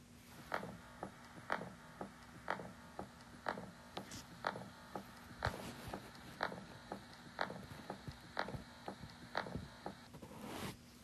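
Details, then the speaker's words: Teaching recording of mitral stenosis, with a regular rhythm near 60 a minute: a very faint S1 and S2, then a loud early diastolic opening snap and a late diastolic rumbling murmur. "a little hard to appreciate but what you should hear is a very faint s1 and s2 followed by a loud heart a loud sound that's the opening snap and then a rumbling murmur"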